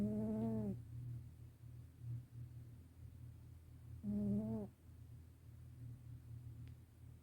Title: Black Cat Snoring Loudly